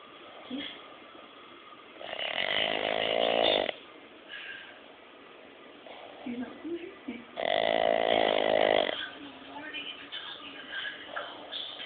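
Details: Boston Terrier snoring really loudly: two long, loud, rattling snores, each about 1.5 seconds, with softer snuffling breaths between.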